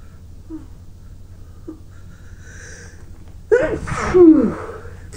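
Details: Nose tickling, helping sneezes out during a run of sneezes with sore throat, runny nose and eyes: a few quiet catching breaths, then a loud explosive sneeze with a voiced trailing 'choo'.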